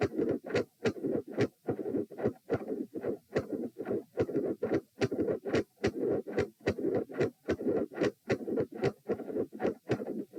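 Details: Heart sounds at position p, lying down, during manoeuvres to provoke murmurs: loud S1 and S2, both split (four sounds), at about 72 a minute, with a midsystolic murmur.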